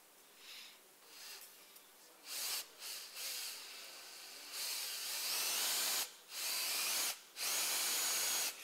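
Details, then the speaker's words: Surgical drill inserting a safe-drilling half pin into the proximal femur toward the trochanteric area under fluoroscopy, building an Ilizarov frame for a 9 cm segmental femoral shaft defect: bursts of high-pitched whirring, stopping and starting. "we use a safe drilling half pin and we're looking in fluoroscopy like this okay"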